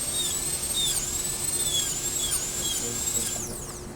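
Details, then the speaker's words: High-speed dental drill with a quarter-round bur cutting an internal retention groove in a Class II mesial slot preparation (Summit design) on tooth number 30; high-pitched whine dipping and rising as the bur meets tooth. "what we do is we go in like we normally do to make our retention Groove the quarter round bur but instead of stopping we come all the way"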